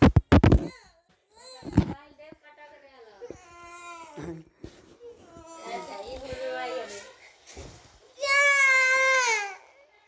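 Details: Young girl cries for her mother in rising, whining bursts with sobbing breaths between them, in a small room.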